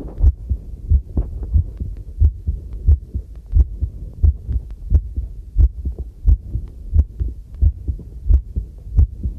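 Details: Own normal heartbeat recorded with a homemade field stethoscope microphone while doing housework: steady regular low beats about 88 a minute, with faint household noise behind.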